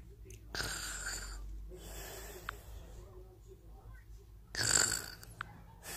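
Noisy, hissing breaths with a high whistling edge and rough snorting on inhalation, separated by pauses; snoring with a whistling quality.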